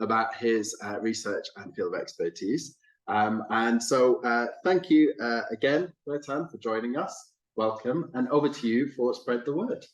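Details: Adult male speaker introducing a talk; ordinary speech.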